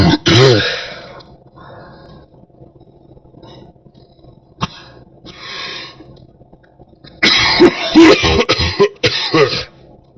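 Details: Someone who thinks they have a cold or flu: loud, deep, harsh coughs with throat clearing, an opening burst followed by a cluster of repeated coughs.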